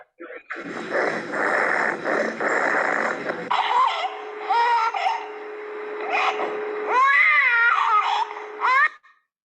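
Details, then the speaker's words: A crying infant with feeding difficulty, choking on liquids, has harsh, brassy noisy breathing and a metallic cough; biphasic stridor from a vascular ring. "¿Vieron cuando llora cómo tiene esa tos metálica?"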